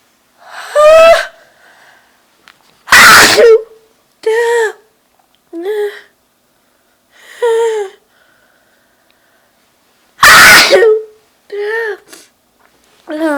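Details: Person feeling very sneezy that day: a run of loud, explosive sneezes, some with a high-pitched voiced cry, separated by short quiet gaps; repeated sneezing.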